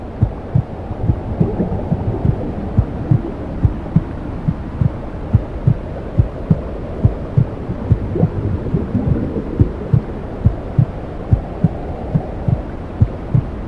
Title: 10 Minutes of Womb Sounds| Help Newborn 👶🏾 sleep 😴| Part 2